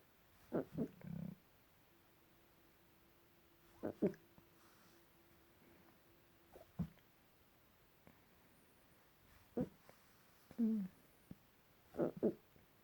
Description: This is me very hiccupy! They sound squeaky *~^.^~*